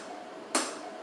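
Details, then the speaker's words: 68-year-old man under anesthesia with three left renal pelvis stones causing pain and blood in urine, treated by fluoroscopy-guided shock wave lithotripsy with ureteral stent, now on third stone: one sharp snapping shock-wave crack over quiet room hum. "we're patients receiving shock waves to the stone and to the stones have already been blasted you can't see them very well we're on the third stone right now"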